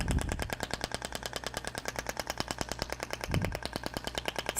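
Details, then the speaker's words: Radial shockwave applicator delivering final shots, gliding over muscle: fast, steady train of sharp clicking pulses, about three per second. "com Radial com aplicador radial tá então ó tô distribuindo aí esses últimos disparos eu vou fazer"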